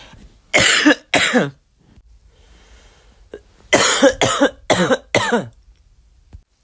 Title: my flu cough